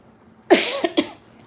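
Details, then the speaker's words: Adult woman with a hoarse voice from a cough, speaking during a live stream, gives a short run of three coughs: a strong first burst followed by two quicker ones. "आज आवाज बसलाय म्हणजे खोकला झालाय थोडा त्याच्यामुळे बोलता येत नाही"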